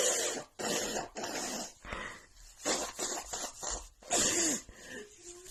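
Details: Female with runny nose after an hour outside in snowy cold weather, plus dust exposure; rapid string of hissing, explosive sneezes with short gaps, about eight in five seconds: a sneezing fit.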